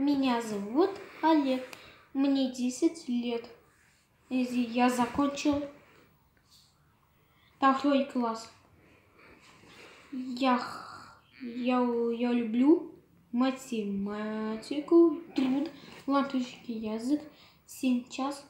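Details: 10-year-old boy, apparently presented as a result after speech therapy for alalia (link to diagnosis inferred, not stated); alalia (developmental expressive language disorder), after speech therapy.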